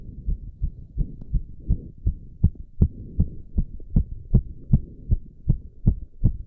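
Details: Male's rapid, regular heartbeat of about 155 to 160 a minute while doing squats, with heavy breathing and recovery; exercise-induced sinus tachycardia.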